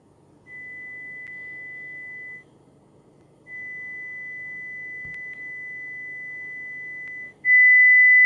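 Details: Steady high pure tones switching on and off at separate levels, ending louder, played by a mobile hearing-test app: pure-tone hearing test tones.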